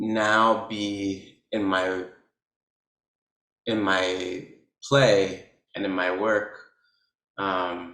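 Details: Man who describes himself as a person who stutters, talking about stuttering on his own name with his mouth open and no sound coming out; stuttering.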